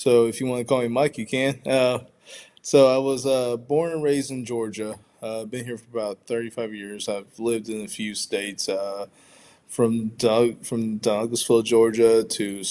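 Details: Adult man who stutters, pronounced with blocks in childhood, varying day to day, showing repetitions; stuttering.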